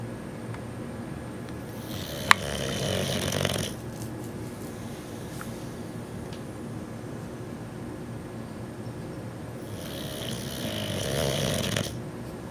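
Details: Snoring from a sleeping 6-month-old male Boxer puppy: two slow, rasping snores about eight seconds apart over steady room hum.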